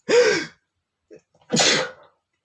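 Two sharp, explosive sneezes about a second apart, the second stronger and noisier.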